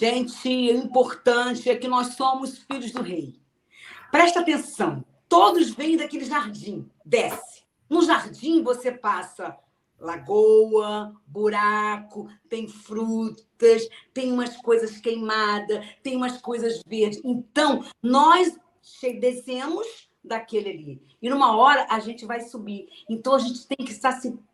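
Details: Adult woman with aphasia as a sequela of a stroke suffered 12 years earlier; post-stroke aphasia.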